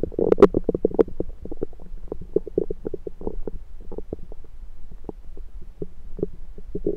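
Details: Self-recorded with a USB stethoscope over the abdomen: continuous gurgling and bubbling with many short pops, active stomach rumbling, ordinary bowel sounds (borborygmi).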